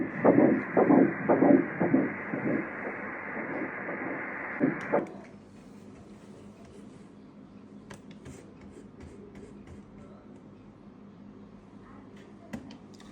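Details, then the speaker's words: Early pregnancy ultrasound at 6 weeks 3 days: rhythmic whooshing fetal cardiac pulsations for about five seconds at 114 beats a minute, then quiet. "Baby heart beat కూడా record చేయొచ్చు. Cardiac pulsations clear గా తెలుస్తున్నాయి."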